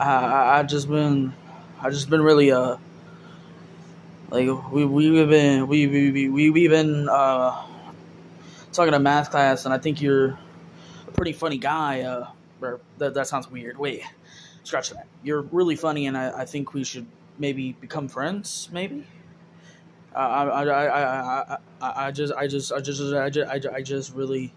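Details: Young man in a comedy sketch (possibly acted) who says he has a stuttering problem and stutters a lot: stuttering.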